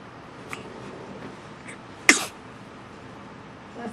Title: Big Sneeze